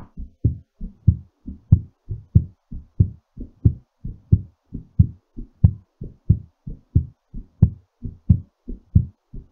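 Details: Normal heartbeat during recovery after exercise: quick, regular rhythm at about 90 beats a minute with distinct paired thumps.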